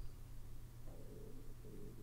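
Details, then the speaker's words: Adult's faint, low gurgling stomach rumble over steady room hum, from hunger ("I need to eat"); borborygmi. "where were can you hear my stomach rumbling wow I need to eat"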